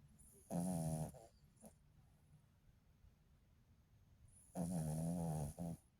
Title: My baby sleeping 🥰 she snores very loud. Sometimes🥰 #slowliving #dogs #pets #petlover #sleepingdogs